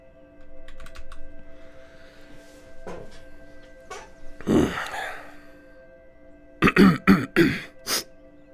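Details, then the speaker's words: Cough from an adult man who says he has COVID-19, during a livestream. "Also, I'm sorry about all the coughing today, but I do have the COVID-19. So I ask for your patience, please."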